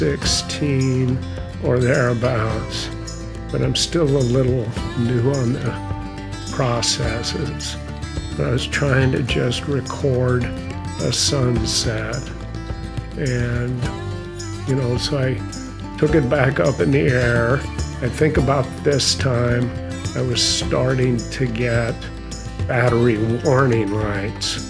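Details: Adult male who says he has a mild essential tremor causing an audible voice tremor and unsteady hands; essential voice tremor.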